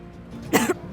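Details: Cough.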